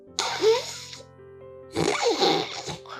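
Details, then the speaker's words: Sleep specialist's simulated mouth snoring imitating severe tongue retraction, where the tongue is pushed far back and the airway is greatly narrowed: two harsh, strained snores over soft music; snoring from severe tongue retraction. "하면 혀가 심하게 밀려 있다. 그래서 기도가 굉장히 좁아져 있다."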